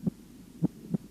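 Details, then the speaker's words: Heart auscultation at the apex: low, dull heart sounds with the first sound louder than the second, as expected normally; normal heart sounds at the apex. "в норме на верхушке первый тон громче 2"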